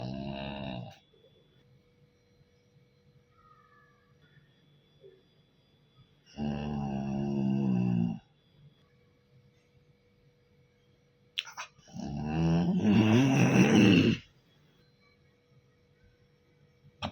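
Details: Husband (adult) snoring at night: slow, deep rattling snores growing louder and rougher, several seconds apart, with quiet room noise between.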